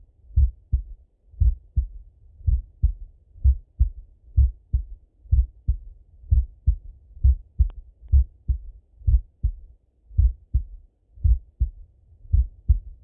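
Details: Full heart auscultation through a stethoscope on a male, recorded either sitting at a desk or lying in bed: a regular heartbeat at about 64 a minute with a clear lub-dub and no added sounds, normal heart sounds.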